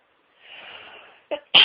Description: My nose is sooo tickly and the sneezes won't stop coming....